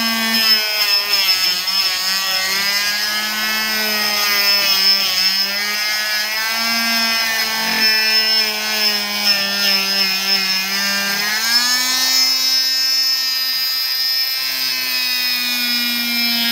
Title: Cast Saw To Prosthetic Socket